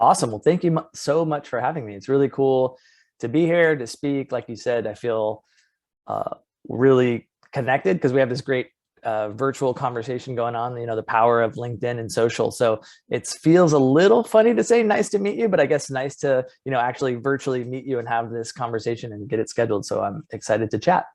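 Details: Adult male speaker; normal voice.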